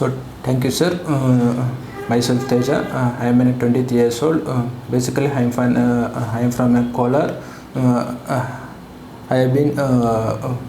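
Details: 23-year-old man who has stammered since childhood, pre-therapy sample recorded before speech therapy, complaining of non-fluent speech; stuttering.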